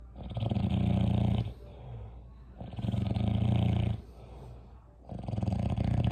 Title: Snoring at its finest